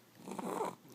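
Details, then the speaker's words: A sleeping baby boy snoring loudly, during a particularly loud episode; similarly loud snoring has happened before. The snoring is loud enough to make the adults talking nearby hard to hear. "okay just pretty good and you kind of can't hear us that well over him snoring"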